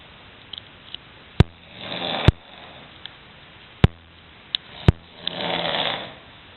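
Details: An adult man's loud snoring during sleep, recorded from the next room: deep, rasping snores in slow breaths with sharp knocks and clicks in between; the recorder jokingly blames tobacco.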